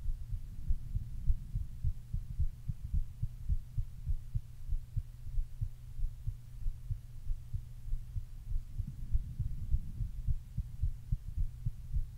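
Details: Deep, thumping heartbeat from a male at about 100 beats per minute, with a low steady hum underneath: normal heartbeat.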